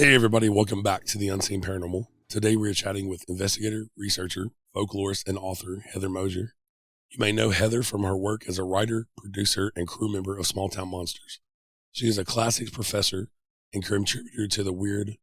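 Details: Adult male speaker; normal speech.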